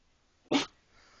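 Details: A single short, sharp burst of air through the nose: sneezing.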